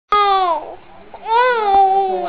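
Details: Newborn baby boy on the second day of life crying quite loud: a clear cry in two strong bursts with a brief breath between; a normal vigorous newborn cry.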